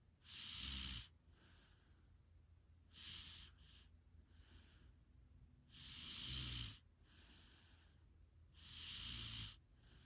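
Loud rasping snores on each breath in, with softer breaths out, about four breaths in ten seconds; ordinary snoring.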